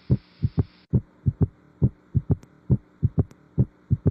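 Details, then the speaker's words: Auscultation at the apex in an undergraduate lecture: low thudding heart sounds at about 68 a minute with an extra sound from rapid ventricular filling, a galloping three-sound rhythm; third heart sound, ventricular gallop. "وده نتيجه الرابيد فنتريكولار فيلينج وده بيبقى مكانه امتى؟ مكانه قبل الفيرست هارت ساوند خالص اهو تك تك تك تك تك كان في ساوند قبل الفيرست هارت ساوند على طول."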